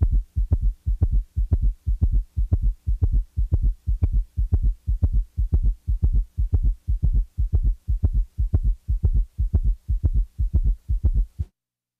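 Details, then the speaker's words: Summation gallop, where S3 and S4 coincide at a rapid heart rate: fast, regular heartbeat near 120 a minute with a very loud extra diastolic sound midway between S2 and the next S1. "s3 and s4 may occur simultaneously and are heard as a very loud diastolic sound known as a summation gallop the gallop sound falls midway between the second sound and the first sound of the next beat"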